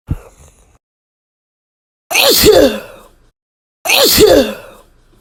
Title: Wet Sneezes !